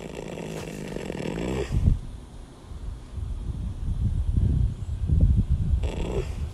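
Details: Yearling rescue mustang filly napping: deep, low rumbling breaths with soft snorting through the nose during sleep, heavy funny snoring.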